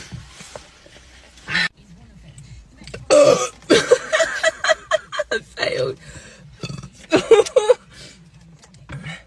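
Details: Series of loud, low, voiced belches with short pauses between them, against quiet room noise, after drinking; repeated burping.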